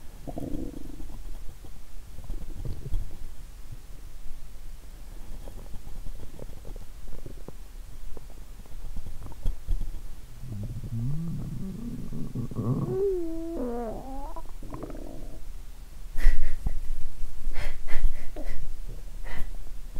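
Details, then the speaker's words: Recorded lying down after drinking a lot of lactobacillus drink (Yakult) on an empty stomach: frequent low gurgles and rising squeaky rumbles from an active gut, low like hunger sounds; bowel sounds (borborygmi). ""The sound now was as low as the sound of hunger 😂". "When my stomach rumbling, I feel really good 😊"."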